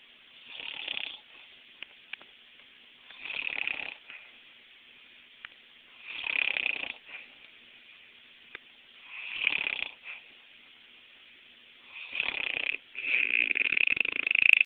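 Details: Grandmother snoring in sleep; regular noisy breaths about every three seconds, around 20 a minute, with a hissing, fluttering quality.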